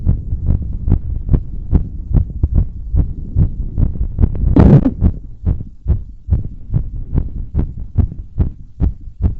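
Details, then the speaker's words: Fast, pounding heartbeat around 140 a minute over rumbling chest noise, with a brief breathy rush midway, recorded during cardio and balloon blowing; normal heart sounds quickened by exertion. "so that was five uninterrupted minutes of heartbeat"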